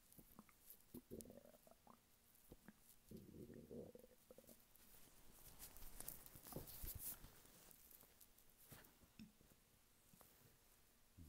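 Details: Male lying flat on his bed, hungry stomach: soft irregular gurgles, squeaks and bubbling rumbles from the belly; borborygmi.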